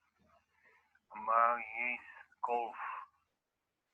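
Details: Patient with nonfluent variant primary progressive aphasia, with post-mortem diagnosis of corticobasal degeneration; finding: apraxia of speech.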